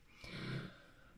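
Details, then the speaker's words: Snoring of dogs from a French bulldog breeder lying nearby during a recording. "donc la bomba donc désolé pour le bruit que vous entendrez de ronflements"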